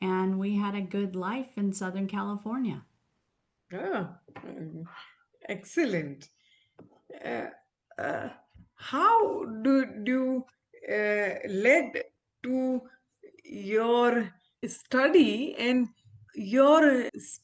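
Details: Adult woman, a former ophthalmologist, with aphasia after a stroke, about a year into recovery and still recovering her speech with a speech-language pathologist. Aphasia.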